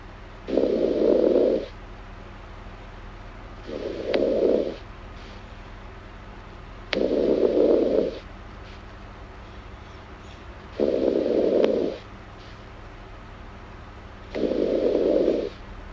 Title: Snoring girl asmr7